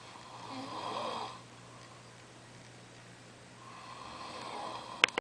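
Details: Roommate snoring: two slow, rasping inhaled snores a few seconds apart with a quiet pause, brief click at the end.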